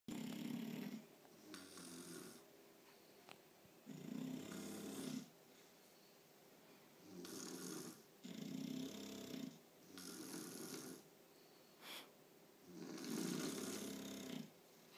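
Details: Snoring from either a Bulldog or a hungover adult human (comparison): repeated rough snores about every two to three seconds, with softer breaths between; steady snoring.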